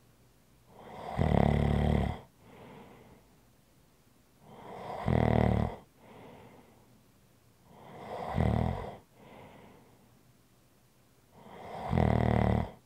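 Loud rattling snores on each in-breath, about 16 breaths a minute, with a softer out-breath between; typical snoring.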